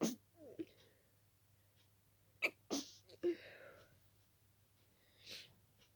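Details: Itchy-nosed adult with dust allergy: several rapid, forceful, wet sneezes close together, some partly stifled, with brief breaths between; an allergic sneezing fit.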